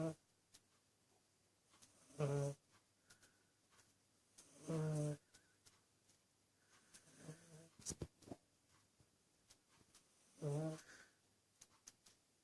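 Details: Snoring cat: short, low, buzzing snores, about four in twelve seconds, quiet room noise between.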